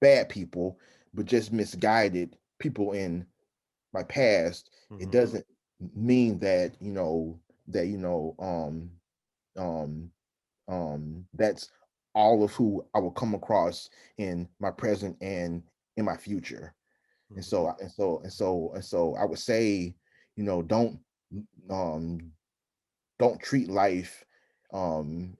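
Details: Adult man who stutters, with frequent fillers and repetitions; stuttering.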